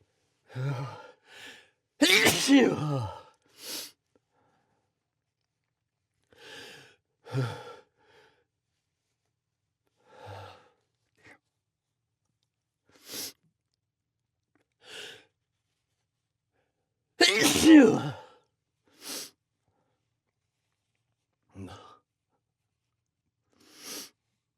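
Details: An adult sneezes in two strong bursts after sniffing Chhinkni, a sneeze-inducing powder, with soft sniffs and breaths between them in a quiet room; sneezing.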